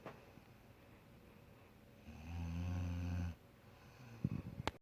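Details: Person snoring: one loud, low, rattling snore of about a second on inhalation, quiet breathing and rustles around it.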